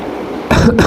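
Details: After a quiet stretch, two short, loud cough bursts come in quick succession from a person who says they have a slight fever.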